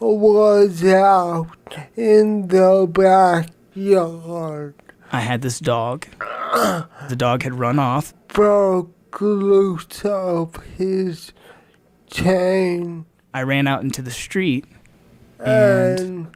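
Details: Male singing, with very slow speech and movement after a traumatic brain injury, hit by a car at age 8 and in a 5-month coma, voice described as a strange low drone: dysarthria with very slow speech after traumatic brain injury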